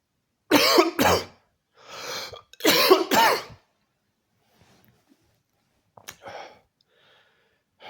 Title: 2 minutes straight of COUGHING!!!